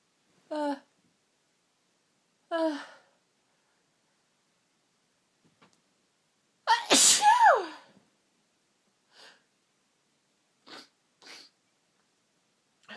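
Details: Very sniffly person with streaming eyes, having false starts and stuck sneezes: two drawn-out 'ah' build-ups, then one loud forceful sneeze followed by small sniffs and catches; sneezing fit.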